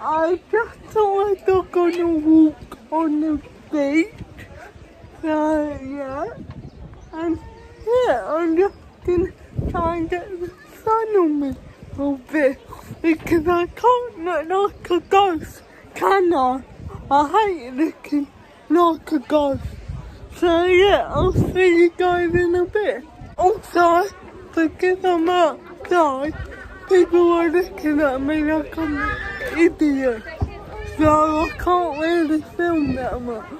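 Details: Woman with cerebral palsy speaking in her own vlog; dysarthria due to cerebral palsy.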